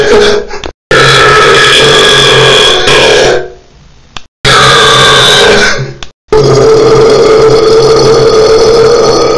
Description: Burping on the toilet, now this sounds loud / Boeren op het toilet, iets wat erg hard klinkt